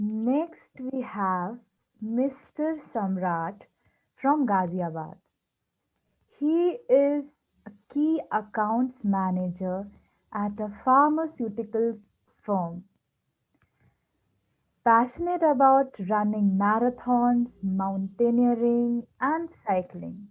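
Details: Stuttering in a person who stammers, introducing a guest in an interview series about people who stammer.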